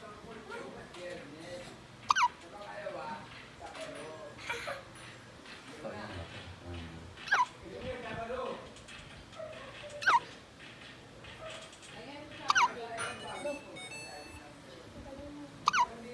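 Sharp, brief gulping catches recur about every two to three seconds over room noise and faint talk, consistent with hiccups.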